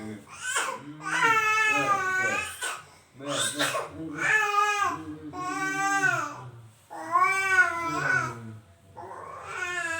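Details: Repeated loud, rhythmic wailing cries from an infant with short gasping breaths between, crying hard enough to cough; described as usual and not a worry for parents.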